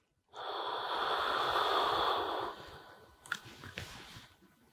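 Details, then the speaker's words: Demonstration of metered-dose inhaler technique for asthma: exhale first, then a long, slow, deep breath in through the inhaler while pressing, quiet as the breath is held 5–10 seconds, and a few soft clicks. "이렇게 먼저 후 내쉬고 20 천천히 게 됐습니다 이게 먼저 누르면서"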